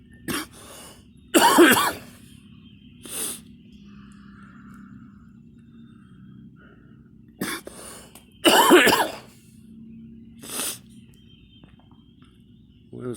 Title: me coughing